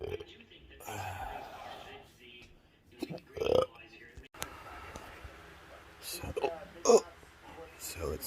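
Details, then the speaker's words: Intractable chronic hiccups since 2015, about 1,200-1,500 per hour during long daily episodes, cause undiagnosed: sharp, abrupt hiccups recurring amid quiet breathing and room noise in a fatigued patient. "of these uh an hour, hour after hour. Day after day, year after year. It gets pretty wearing."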